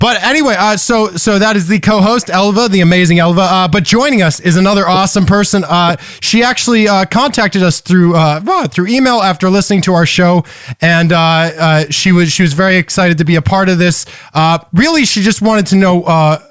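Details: Palilalia (word and syllable repetitions) in a man with Tourette syndrome who developed palilalia and echolalia over the past couple of years.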